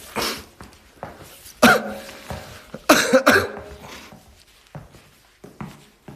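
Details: SF9 Zuho: several short, sharp coughs and throat clears in a small room; cough.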